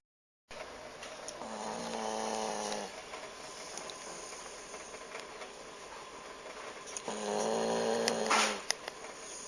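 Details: Snoring during sleep: two drawn-out, buzzy breaths about five seconds apart over steady background hiss.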